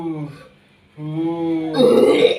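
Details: During a combined hypnosis and ruqyah alternative-healing session, the person is urged to expel it; drawn-out voiced belching with a guttural, strained retching quality, repeated; belching and retching.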